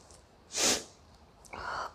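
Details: Deliberate sneezing challenge: an adult woman sniffs a bay leaf (tej patta), reports nasal itching and watering eyes, then gives one sharp, hissing sneeze followed by a breathy exhalation; a sneeze provoked by nasal irritation.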